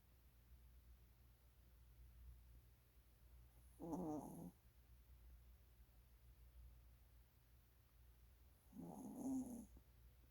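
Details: Two low, rattling snores about five seconds apart over a quiet room hum from a sleeping Maltese dog: snoring.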